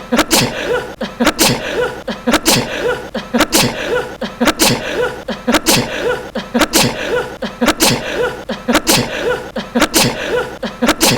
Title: くしゃみ 10分耐久 #2 sneezing 10 minutes 재채기 10분 내구